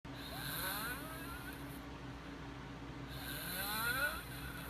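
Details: A boy snoring: two hissing, whistly snoring breaths over steady engine and road noise.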